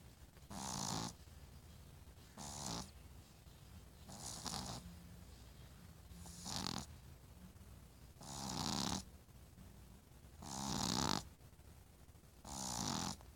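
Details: Rhythmic snoring, about seven rasping breaths over thirteen seconds (roughly 30 a minute), with quiet gaps between them; plain snoring.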